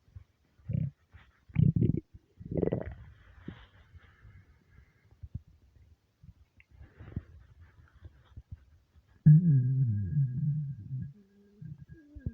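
Low gurgles and a longer, wavering growl with quiet gaps between: stomach rumbling from hunger, a normal bowel sound.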